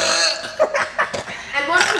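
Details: Deliberate huge belching: a long, loud, rumbling burp with voiced gulping bursts, people nearby.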